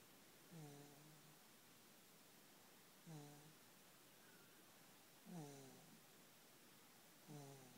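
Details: Sasha snoring in the middle of the night: soft, regular rattling snores with each in-breath, about 27 a minute, over steady room hiss.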